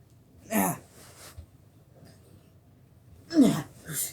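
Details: Two sneezes, each a sharp intake followed by an explosive burst, with a quiet room between them.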